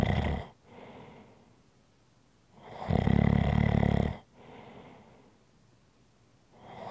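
Loud rattling snore on each breath in, with quieter breaths out, about two breaths over seven seconds, slow sleep breathing.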